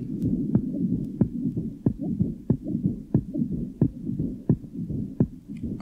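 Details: 14-year-old girl with tricuspid stenosis and regurgitation: heartbeat about 90/min with a continuous rumbling murmur between beats; the diastolic murmur increases markedly on inspiration, its first part becoming higher-pitched and squeaky.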